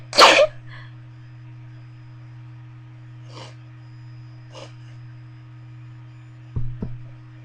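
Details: Sneezes induced with a bobby pin: one loud explosive sneeze, then two softer breathy bursts and a brief stifled sound over a low hum, from a series of about 30 sneezes, two stifles and nose blowing.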